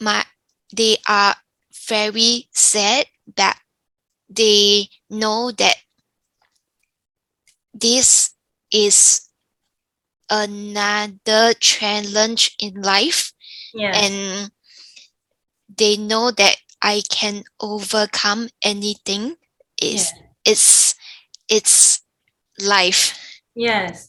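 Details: Younger adult woman with aphasia following a stroke; aphasia.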